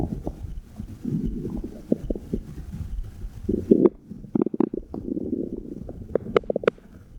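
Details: Irregular gurgling, bubbling and rumbling with scattered clicks, recorded with a phone microphone placed on the belly button; ordinary bowel sounds (heartbeat also claimed).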